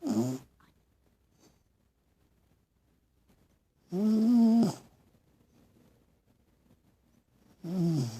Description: My dog is snoring and sleeping with his eyes open so creepy!